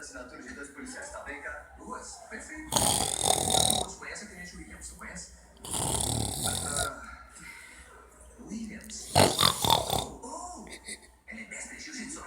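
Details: Snoring in a sleeping male football fan: three loud, rough, fluttering snores recurring every few seconds, with background talk and television noise.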